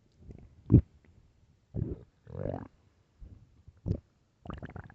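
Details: Loud hungry stomach growling: several low gurgling and rumbling bursts separated by quiet gaps; ordinary borborygmi from hunger.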